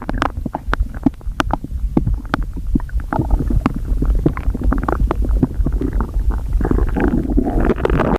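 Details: Stomach growling after overeating: low gurgling rumbles and bubbling pops from the belly throughout; normal gut sounds.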